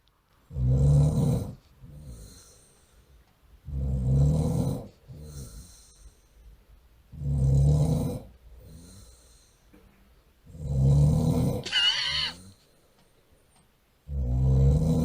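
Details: Adult man asleep, recorded by his girlfriend: loud, regular, low rumbling snores on each in-breath, about 18 breaths a minute, with softer out-breaths; heavy snoring.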